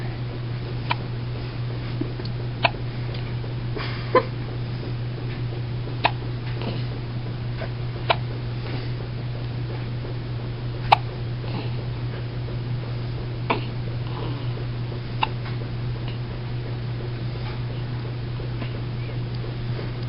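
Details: Hiccups in a pet: faint, regular little clicking hiccups, roughly one every two seconds, over a steady low hum.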